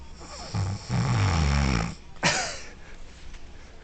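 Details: Roommate snoring through the night: loud, rough, rattling low snore on the in-breath, then a short noisy out-breath; ordinary heavy snoring.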